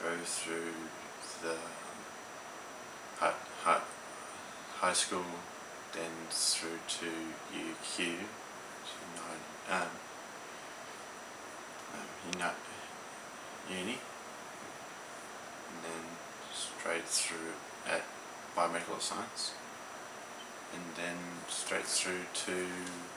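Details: Young man with aphasia after an ischemic stroke at age 15; aphasia.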